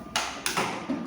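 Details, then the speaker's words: Infusion pump door pressed closed at its two push points, not the middle, until it sounds: two sharp latching clicks confirming it is properly closed. "Dia ada 2 push. Jadi jangan dari tengah, tapi harus di push yang ini. Jadi dia biar kuat sampai bunyi."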